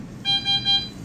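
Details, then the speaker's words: Home ventilator alarm sounding briefly after a tracheostomy tube change: three short, high, repeating electronic tones over quiet room noise. "so we'll put the air back in a second, but it's going to alarm on us here for just a second."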